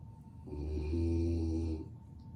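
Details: Pet dog snoring while asleep.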